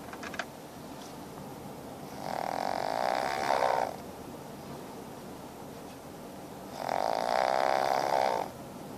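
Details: 9-month-old male fawn pug in a car: two long rattling buzzy snores on inspiration separated by quiet breathing, about seven breaths a minute; snoring.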